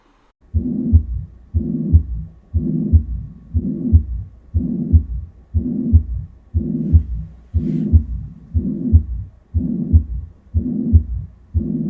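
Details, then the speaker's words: Mitral regurgitation on an auscultation simulator at about 60 beats a minute: soft first heart sound merging into a systolic murmur, with a third heart sound. "это была недостаточность митрального клапана"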